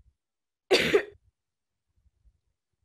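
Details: Single loud, rough adult cough with moist, rattling quality, example from a COVID-19 cough database talk; low dry-to-wet power ratio of about 1.2 versus 17.5 for a dry cough; wet cough.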